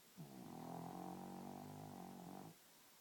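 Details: A 2-year-old pug snoring during a night's sleep: one drawn-out, buzzing, slightly tonal snore lasting about two seconds.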